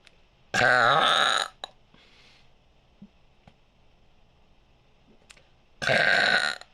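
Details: Deliberate belching after swallowing air: two long, loud, voiced burps about five seconds apart, with quiet room noise between.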